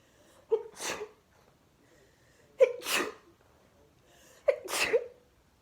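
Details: Part of a 26-sneeze fit while watching TV: three sneezes about two seconds apart, each a short in-breath then a sharp explosive burst.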